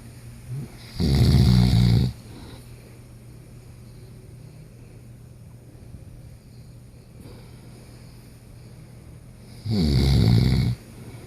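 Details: Sleeper said to snore like this all night long gives two loud, deep, rumbling snores about nine seconds apart, with quiet breathing between; heavy snoring.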